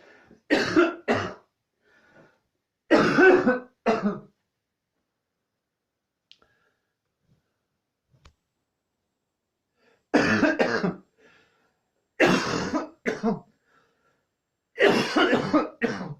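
Repeated harsh coughs, mostly in pairs, with a quiet pause between groups; a prolonged coughing fit.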